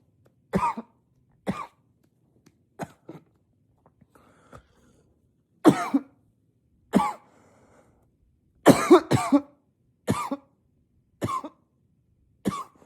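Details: Acted unstoppable coughing fit, trying to be quiet coughing into a pillow: about eleven sharp, harsh coughs in irregular bursts, some paired, quiet pauses between.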